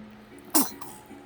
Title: Baby sneezes